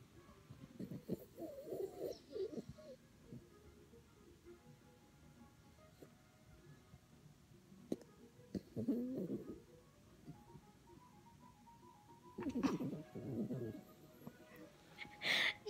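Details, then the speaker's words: A 5-year-old dog asleep beside her owner snores every night; here soft, rough snorting breaths come in three separate bursts in a quiet room. Snoring. "I got Katie beside me and she's snoring. See if you can hear her."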